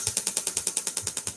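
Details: Rapid, regular sharp clicking pulses, about seven per second, from a radial shockwave therapy applicator held on the therapist's own skin during a demonstration: the radial shockwave device firing.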